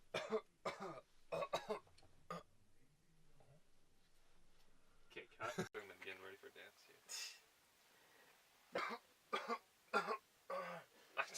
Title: HE HAD A COUGHING FIT ON SET!